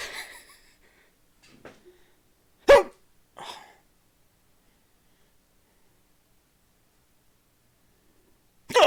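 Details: Sharp, abrupt gulping catches, about three in nine seconds with silent pauses between, from an adult talking while watching storm weather coverage in a quiet room; hiccups.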